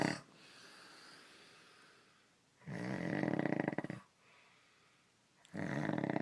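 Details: A sleeping adult man's two loud, rough, vibrating inhaled snores with quiet pauses between them in a small room; ordinary snoring.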